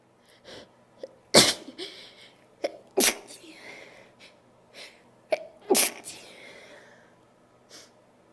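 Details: Sneezing and nose blowing by a female: three forceful sneezes, each followed by sniffing and breathy noise, with nose-blowing sounds between them.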